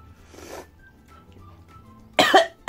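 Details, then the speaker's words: Quiet breath, then a single loud harsh reflex cough triggered by the first sip of spicy Korean instant noodle soup while eating. "dan ini amazing banget. Seruputan pertama buat aku jadi batuk-batuk sama Stepen tuh."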